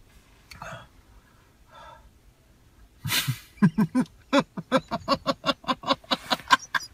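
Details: Adult man with pathological laughter (pseudobulbar affect): faint breathy sounds, then a sharp outburst and a long run of rapid rhythmic voiced laugh pulses, about three a second, laughing though suffering, not happy.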